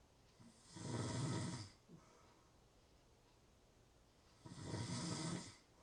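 Two long, rough, rattling snores on breathing in, with a quiet pause between; loud snoring from vibrating throat tissue during sleep.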